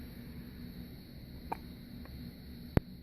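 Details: Newborn baby girl with hiccups: two brief, sudden hiccup clicks about a second apart over a steady room hum.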